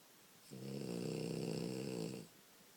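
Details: Sleeping French Bulldog puppy snoring: a single long, buzzing, vibrating snore.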